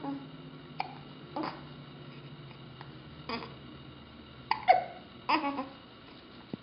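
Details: Baby boy with hiccups: soft quick hiccup catches, about five or six in under seven seconds, with light babbling in a quiet room; infant hiccups.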